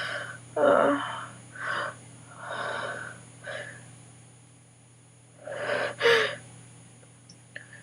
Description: I had an sneezing attack and was able to get some on video. My nose and throat hurt so bad.